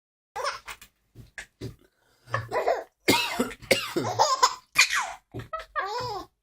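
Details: Father's several short, sharp adult coughs alternating with an infant's bright, bubbly laughter in a small room.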